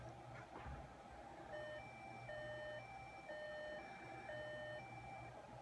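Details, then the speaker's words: A patient's Medtronic ICD under a programming head, with the phone held close, plays its high-urgency alert: repeating two-pitch hi/low alternating beeps, like a French police siren, over room noise. "the high intensity which sounds like most people describe it as a French police star"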